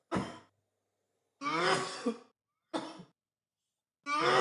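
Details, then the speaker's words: Adult coughing fit during a live-stream dab session: four harsh, voiced cough bursts separated by short silences, the second longer and trailing off, the last cut off. "that I heard nothing but me coughing okay all right yeah people they didn't hear it"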